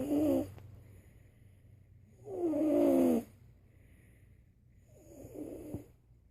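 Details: Bella snoring: three rattling, vibrating breath sounds separated by quiet gaps, about 22 a minute; snoring.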